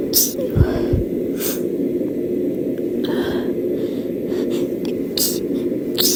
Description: I’m catching a cold I don’t think I’ve ever sneezed this much in my entire life 😭 I don’t tend to have very rapid fits but this cold is taking me out